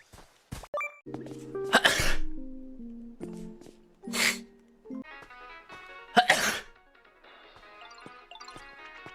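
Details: A single sneeze from a VTuber livestream.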